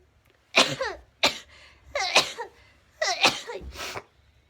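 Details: Sneezing: a run of about five quick, high-pitched sneezes with sharp onsets and brief voiced tails, in a quiet room.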